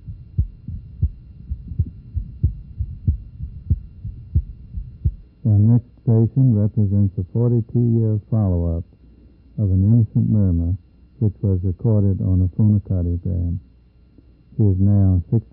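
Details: Innocent heart murmur, presented at an auscultation symposium.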